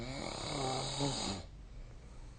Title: 🐽 いびきの音 / Snoring Sleep Sound 2025/05/24